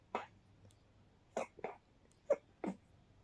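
About five quiet, sharply cut-off bursts in a quiet room, heard as a run of stifled sneezes.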